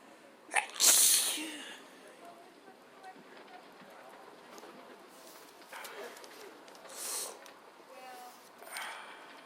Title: Sneezing randomly